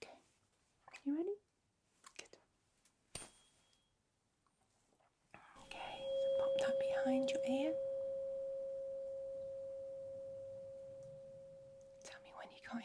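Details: Rinne test in a simulated ASMR cranial nerve exam: a tuning fork tone with the fork held behind the ear, then in front of it.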